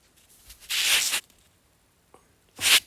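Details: Microsuction of a blocked left ear with chronic otitis externa, swollen inflamed canal: loud hissing suction bursts with brief gaps removing a smaller secondary wax plug after the large plug; eardrum healthy.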